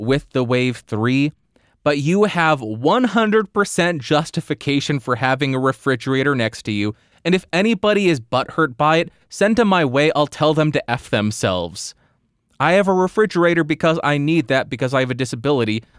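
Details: Adult male speaker; typical speech.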